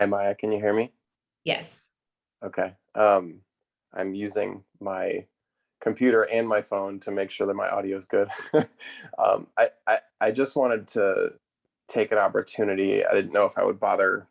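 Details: Adult male speaker; typical speech.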